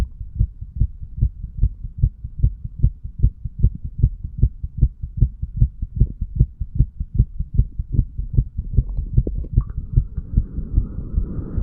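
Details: Self-recorded heart sounds of a sick 35-year-old male, recorded first over the tricuspid area for 3 minutes and then over the mitral area.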